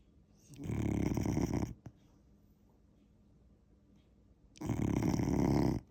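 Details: A lazy puppy snoring loudly while sleeping on a couch: two loud, rattling snores on breathing in, with a quiet pause between them.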